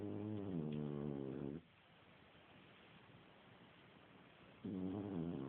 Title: wake up harley!!!!!french bulldog snoring..